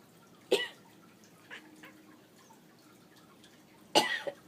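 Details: Cat's "sympathy cough": two short, dry hacking bursts several seconds apart, with faint small sounds between them in a quiet room.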